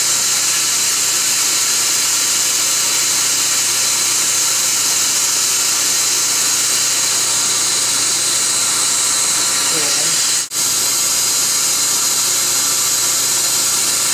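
Continuous loud high-pitched whine and hiss of dental instruments and suction during a root canal procedure.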